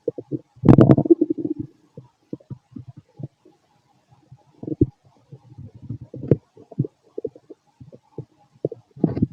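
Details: Fit male after a bowel movement: frequent gurgling and bubbling abdominal noises with a louder rumble early on; ordinary active bowel sounds (borborygmi).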